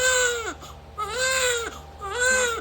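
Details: Vigorous newborn cry just after a normal vaginal birth: three loud, rising-and-falling cries with short breaths between.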